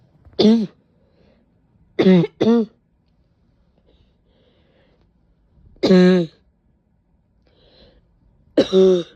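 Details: Five short, harsh, voiced coughs with a strained, bark-like ring, separated by quiet pauses; described as a painful barking cough with a couple of sneezes. Barking cough.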